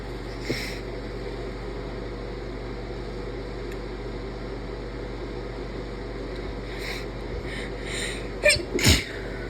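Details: Two sharp sneezes close together near the end, after quiet room noise and soft sniffs; sneezes deliberately induced by tickling the nose with a rolled-up piece of tissue.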